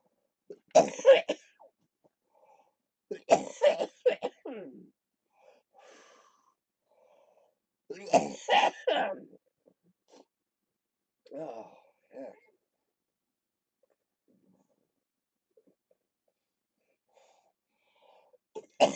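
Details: Productive cough in cystic fibrosis during lower-lobe chest therapy, recorded on a live stream; the patient reports rattling in his chest.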